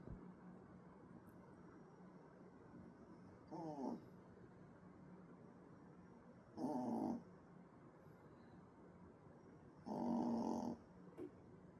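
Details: Baby puppy snoring like an old man: three loud, rough, rattling snores a few seconds apart over steady background hiss.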